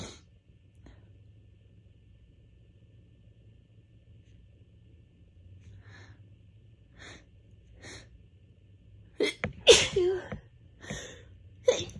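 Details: Allergic sneezing fit during a week of bad allergies, recorded just before bed: quiet sniffing build-up, then a burst of about three sharp sneezes and another near the end.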